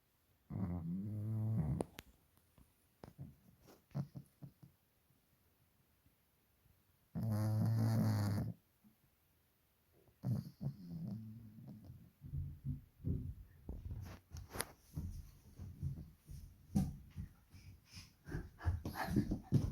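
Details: Sleeping pug snoring: loud, rumbling snores with snorting, snuffly breaths between them; snoring.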